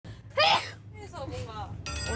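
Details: A single sharp, forceful, somewhat unusual sneeze burst, followed by voiced sounds and faint background music.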